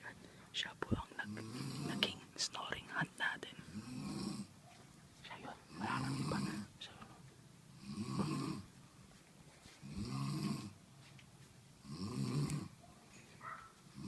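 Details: Loud, rough snores about one every two seconds from a sleeping person found while searching for the source, with whispered talk and handling noise at the start; snoring.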